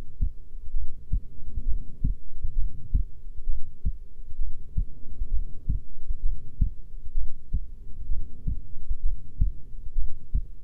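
Steady low thumping heartbeat at about 65 beats a minute; a normal resting rhythm.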